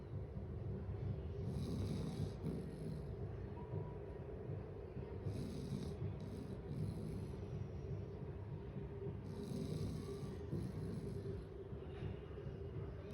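Low, steady rumbling snore from a sleeping dog, with soft snorting breaths over room hiss; ordinary snoring.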